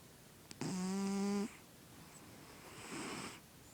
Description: My cat snores in his sleep HE IS HEALTHY there is nothing wrong with him, the Vet says he is Fine but it makes me laugh, he is quite the Character :)